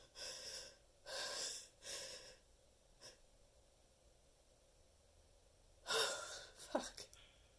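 Several quick gasping in-breaths build up, then a burst that sounds like a sneeze; gasping before a sneeze.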